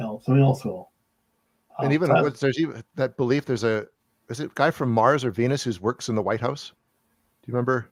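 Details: Adult man; typical speech.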